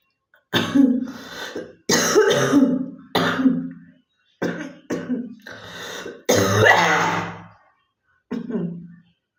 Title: Girl coughing 269